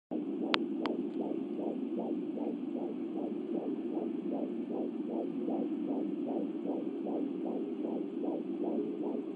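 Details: Fetal heartbeat at 12½ weeks of pregnancy via home Angel Sounds Doppler; rapid, regular whooshing about 175 per minute, fading and returning; mother suspects she hears two heartbeats, unconfirmed.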